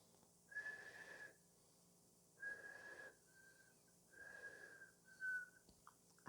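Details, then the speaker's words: Vocal imitation, not a real recording, of wheezing heard by stethoscope in acute and chronic bronchitis: steady high-pitched whistles riding on breaths from narrowed airways: wheezing (imitated). "pero también se pueden escuchar sibilancias qué es esto al momento de que se coloca el estetoscopio se escuchó sonidos más o menos así"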